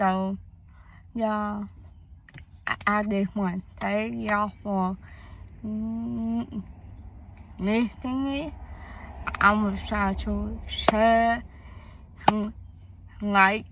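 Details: Young woman whose speech impediment began around third grade with hearing loss (deafness); she had speech therapy at school, doctors found no cause, and she says she was born too early: speech impediment.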